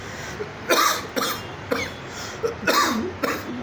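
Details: An adult gives a run of about six short, throaty coughs in a small room; acted coughing for a cough syrup advertisement audition, not a genuine cough.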